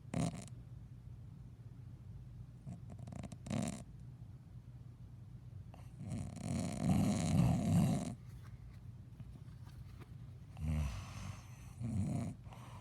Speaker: Made a movie of you snoring.